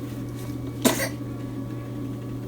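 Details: Hospitalized infant with pneumonia, on IV fluids and antibiotics and coughing a lot. One short, moist-sounding cough over a steady low hum.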